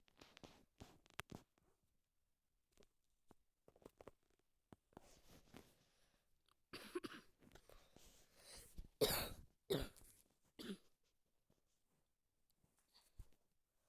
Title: посетил motor depot(простите за кашель приболел) я хочу десять подписчиков и я покажу я записываю 🌛